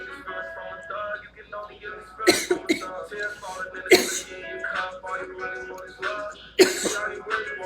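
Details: Hard coughing from a person smoking weed on a livestream.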